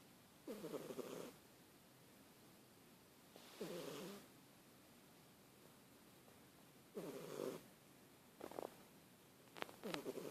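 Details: Snoring.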